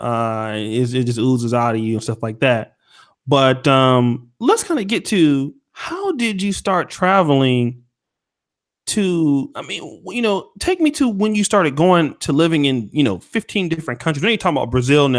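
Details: Adult male speaker; normal speech.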